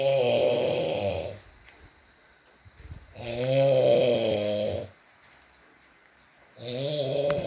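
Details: ASMR recording of a sleeping man (boyfriend) snoring: loud rattling snores on each breath, roughly 17 a minute, quiet pauses between, faint rain behind.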